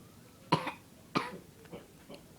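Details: Person with ongoing hiccups: two abrupt, sharp gulping bursts, then two fainter ones, in a quiet room; sudden involuntary catches consistent with hiccups.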